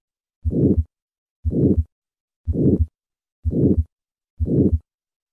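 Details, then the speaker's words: Significant aortic stenosis, played in contrast to aortic valve sclerosis: a regular heartbeat about 59 a minute with a harsh murmur filling each beat. "listen to the contrast between aortic valve sclerosis and significant aortic stenosis first aortic sclerosis and now significant aortic stenosis"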